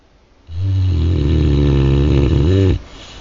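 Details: Snoring: a single long, loud, low rattling snore on an in-breath, lasting about two seconds.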